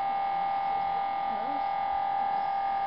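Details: Steady loud electronic buzzing hum inside the scanner bore, the normal gradient noise of an MRI sequence during a cervical spine scan of a female patient.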